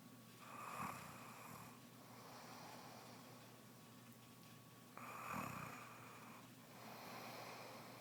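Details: Pregnant woman's snoring that began soon after becoming pregnant: two loud, rattling inhaled snores with quieter breathing between them in a quiet room.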